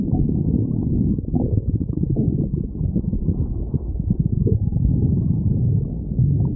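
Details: Stomach growling (borborygmi): continuous low rumbling and gurgling with bubbly, whale-like groans from gas and fluid moving through the gut.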